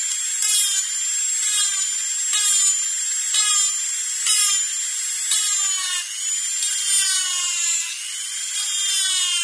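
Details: Dentist-drilling sound-effect recording: high-pitched dental drill whine rising in repeated bursts about every second as it runs and eases off.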